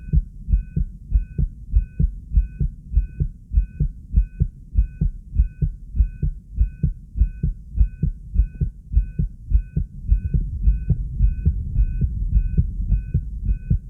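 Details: Regular paired heart sounds at about 100 a minute, a fast but normal rhythm while excited, recorded with a 3-lead setup.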